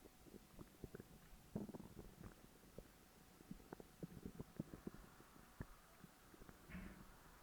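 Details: Stomach growling after overeating: irregular low gurgles, pops and rumbles from the belly, active bowel sounds after a large meal.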